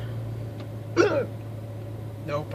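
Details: Adult man sitting in his running truck after work with persisting hiccups: a single abrupt voiced hiccup with a sharp catch, then a softer second one, over steady engine hum.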